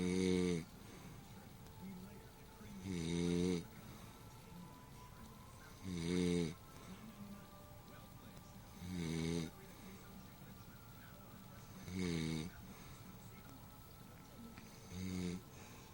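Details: Woman snoring while asleep: regular, loud, rumbling snores on each in-breath, about 20 a minute, with faint room noise between them.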